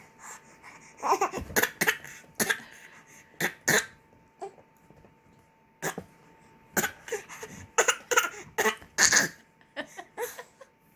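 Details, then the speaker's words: Infant giving short, deliberate fake (voluntary) coughs mixed with babbling and laughter, a playful imitation rather than illness. "Are you like fake coughing? You're faking."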